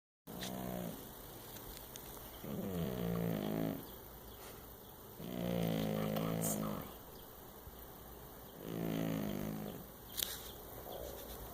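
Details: Cat snoring: slow, regular rasping bursts with quieter breathing between them.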